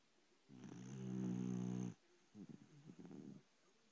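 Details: A sleeping pet dog snoring in bed: a strong, low, rattling inhaled snore followed by a softer, fluttering breath; snoring.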